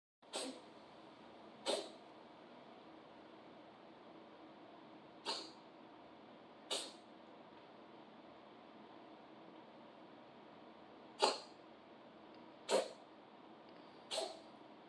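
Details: Seven short, sharp sneezes at irregular intervals over about fifteen seconds, with quiet room noise between; repeated sneezing in someone with allergies.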